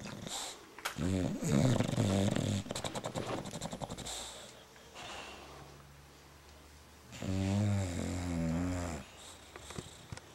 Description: Here's the little princess snoring.